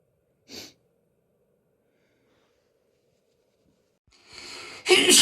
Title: Complation of Sneezes